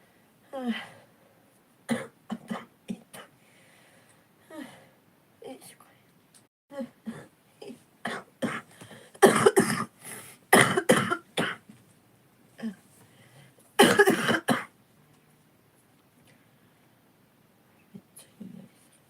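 An adult coughs repeatedly in loud, harsh bursts with voiced throat-clearing sounds between, fitting a chesty cough.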